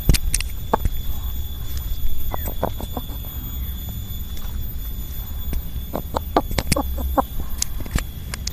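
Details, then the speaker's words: Chicken with a runny nose on the first day of symptoms, recorded with a mic: short, scratchy clicks and squeaks in its breathing over a low rumble, an early respiratory rattle (snoring). "Ketika dia bunyi krok krok krok gitu enggak lantang gitu. Ada krek krek krek krek gitu kan suaranya. Ini engkrok."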